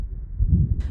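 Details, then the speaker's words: Aortic stenosis: a single heartbeat with a harsh crescendo-decrescendo early systolic ejection murmur over the right upper sternal border, radiating to the carotids and sometimes to the apex. "the murmur of aortic stenosis is a harsh Crescendo de Crescendo early systolic ejection murmur over right upper sternal border with radiation to the cored arteries and sometimes to the apex of the heart"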